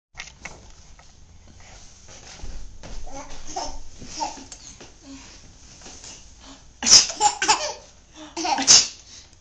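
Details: Baby boy almost 11 months old who finds sneezing funny: soft giggling, then two sharp, explosive sneeze-like bursts close together near the end.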